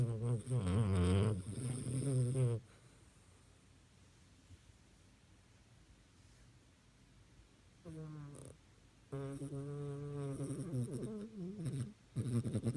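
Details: Sleeping dog: deep rattling snores separated by a long quiet pause, then further buzzy snoring breaths; ordinary dog snoring.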